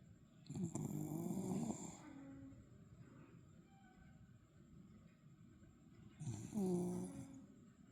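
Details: A dog makes two rough, buzzing snores about five seconds apart, with soft breathing between them: dog snoring.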